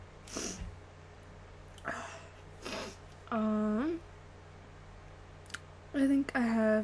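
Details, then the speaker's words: Repeated sneezing, apparently self-induced, with an itchy nose: several short breathy bursts and voiced sneezes, some with a rising 'ah' before the burst, against a steady low hum. "so I'm going to go ahead and stop here now um I had fun sneezing for you all"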